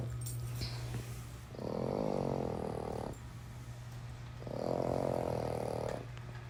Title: My snoring Frenchie is better than yours